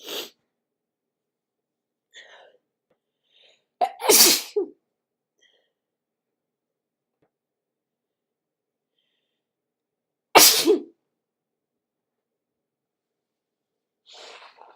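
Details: Two loud, sharp sneezes with quiet breaths and faint sniffing between them in a silent room, from a sniffly person on waking as the weather turns cooler, some sneezes induced with tissue; sneezing.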